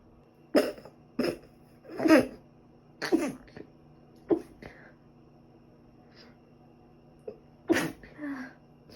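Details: Sneezing over two days, thought probably due to dust allergy, with a recent cold and ongoing cough and runny nose: about seven sharp, explosive sneezes at irregular intervals, some followed by a faint sniff.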